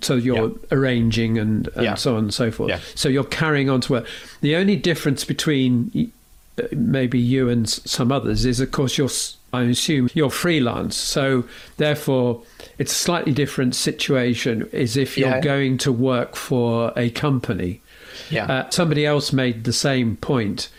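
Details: Adult male speaker; normal conversational speech.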